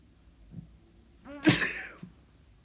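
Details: Single sneeze: a quick voiced in-breath, then a sharp, forceful burst of air.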